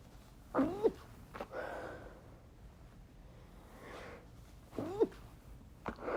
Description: Decided to try my hand at stifling chhinkni sneezes. It was a bit hard and a few slipped out.